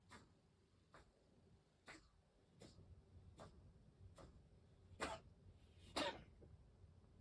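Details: Pet with a lung infection that two other household pets have also had gives a run of eight short, dry, hacking coughs, the last two louder.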